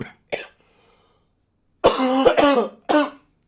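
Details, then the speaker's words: An adult podcaster with COVID coughs about five times: two brief quiet coughs, a pause, then three louder, voiced, harsh coughs in a quick run; voice hoarse. "the coughing is still going on and you can hear my voice isn't very good I'm sorry I don't know why I'll covet man covet is um is hard"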